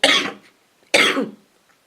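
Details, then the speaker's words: Two harsh, explosive coughs a second apart, each fading quickly, from an adult with a lingering cold, triggered by a throat tickle when talking; a dry irritative cough. "sorry guys I see only happens when I start talking and you get that tickle in your floor"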